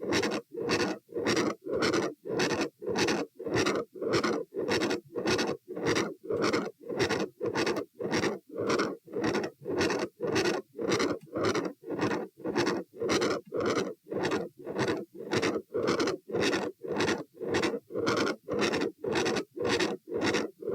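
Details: Aortic area (position A), standing, no corresponding continuous murmur at the pulmonary area (position P): rough, harsh murmur repeating each beat at about 107 a minute; continuous machinery murmur, possibly aortic window, coarctation, fistula, rupture or PDA.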